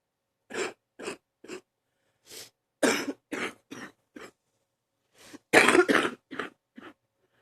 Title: # 85 another morning deep cough